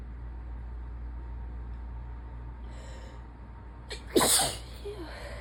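A brief indrawn breath, then one forceful, explosive sneeze; a sneeze during a sinus infection.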